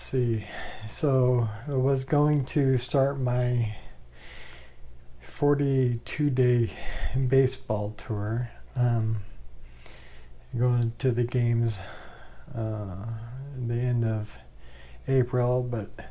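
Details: Adult man with ALS with bulbar involvement, 2 years 3 months after diagnosis, with worsening speech, swallowing problems attributed to throat muscle spasms, and increasingly laboured breathing; dysarthria.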